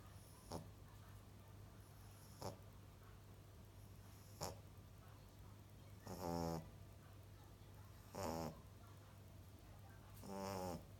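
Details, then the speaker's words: Sleeping female puppy: soft snorts followed by rhythmic, rattling snores about every two seconds; ordinary snoring, like her mother, also a snorer. "Ты чё храпишь, малыш?"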